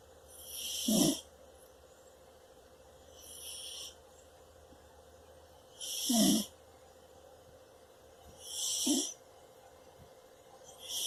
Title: Cat snores on bed (CUTE) #Shorts